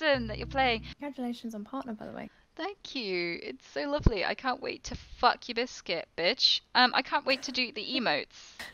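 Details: Tourette syndrome vocal tics with coprolalia, including involuntary swearing and phrases during a live stream.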